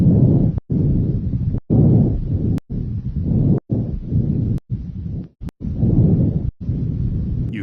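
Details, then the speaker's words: Normal bronchovesicular breath sounds: soft, medium-pitched rushing breaths with inspiration and expiration about equal, heard over the upper sternum at the first and second intercostal spaces of the anterior thorax during a teaching demonstration of thorax assessment. "you should hear Bronco vascular sounds around the upper sternum in the first and second intercostal"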